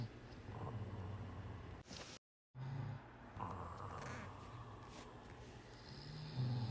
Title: Cat Snoring. Snore hard.